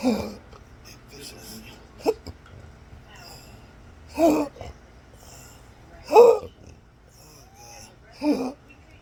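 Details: Hiccups with burping, described as a disabling rare medical condition: short, abrupt voiced catches about every two seconds, roughly 30 per minute, over quiet room noise.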